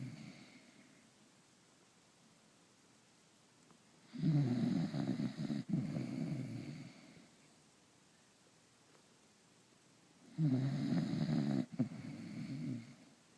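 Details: A dog snoring: two long, low rattling snores during slow sleep breaths, with quiet pauses between.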